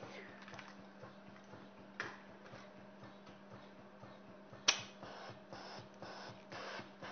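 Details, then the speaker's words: Total artificial heart connected to a driving unit and a mock loop imitating the body's pressures: repeated soft clicks and whooshes over a steady hum as its metal valves open and close. "so the sound that you're hearing now is the opening and closing of the metal valves"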